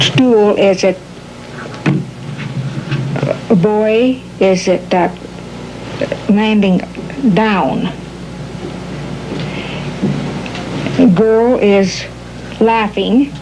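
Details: Patient with classic Broca's aphasia giving a halting, telegraphic, non-fluent picture description; Broca's aphasia.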